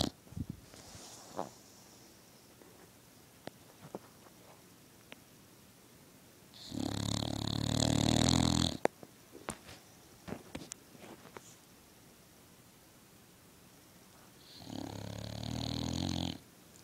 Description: My boxer Quinny has some narly snores duude! ENJOY!!! :D